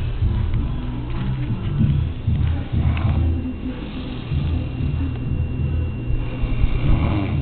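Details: Woman snoring very loudly in sleep at 6:18: continuous loud, deep, rumbling snoring with a rattling quality, with no clear pauses between breaths.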